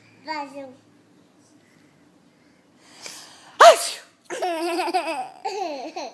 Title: Baby laughing at sneezing